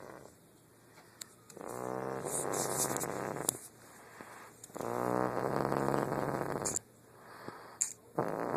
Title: snoring